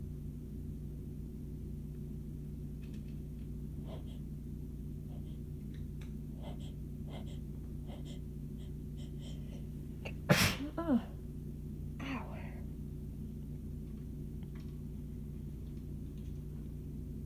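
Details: A quiet breathy build-up, then one forceful sneeze with a short follow-on burst over steady room hum, during a short, intense, itchy, painful sneezing fit; some sneezes came from the chest, with possible wheezing during buildups.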